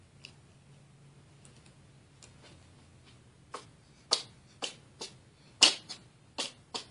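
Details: Cat sneezing repeatedly, including one big sneeze, on a bed indoors; sneezing.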